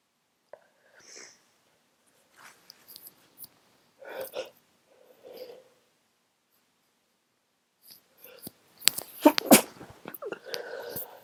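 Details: Sick person sneezing while congested and tired: sniffs and soft breaths build up to a burst of several forceful, wet-sounding sneezes.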